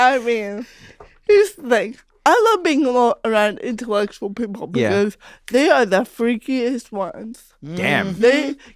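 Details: Real, unscripted speech from a woman comedian who has had cerebral palsy since childhood; her brother once asked why she talks weird. Dysarthria due to cerebral palsy.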